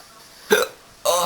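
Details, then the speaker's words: A sharp, voiced hiccup, then the start of another, in a quiet room, from a man with an ongoing bout of hiccups. "all right what the hell are hiccups anyways trapped air bubbles how many do I have"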